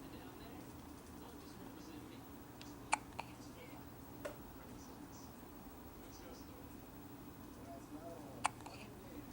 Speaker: he buddy Daddy's home from his trip and you've got the hiccups you have anything to say for